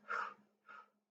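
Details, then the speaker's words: Adult imitating a wheeze in a vocabulary lesson: two short, breathy airflow sounds with a faint whistling edge, a simulated wheeze. "Wheezed means breathing with a whistling sound. Okay? It's like not clear. So it's something's blocking it. You can hear like that's like a wheezing sound."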